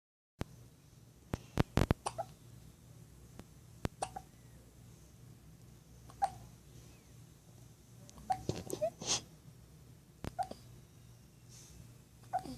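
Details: Infant hiccups: about a dozen short, sharp hiccups at irregular one-to-two-second intervals with faint room noise.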